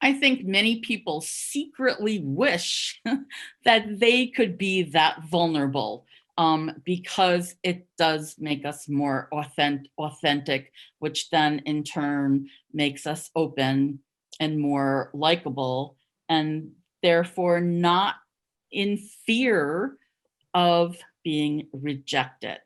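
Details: Adult who stuttered covertly for over 30 years, with word and syllable repetitions; stuttering.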